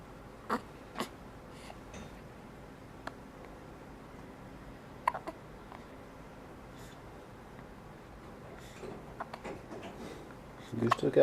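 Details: Several soft, abrupt hiccups over low room noise, with faint stirring toward the end; hiccups recorded 2/23/09.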